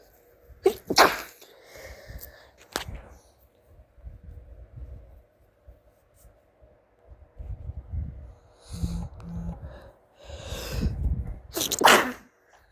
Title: sneezing